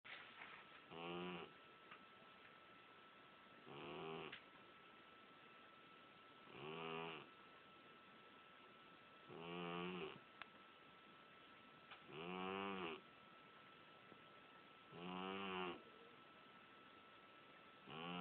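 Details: Six soft, buzzing snores at regular intervals of about three seconds, roughly 21 breaths a minute, from a sleeping cat; snoring.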